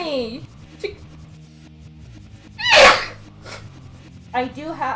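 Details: Single sharp, loud sneeze between short voiced sounds over background music, one clip from a montage of sneezes.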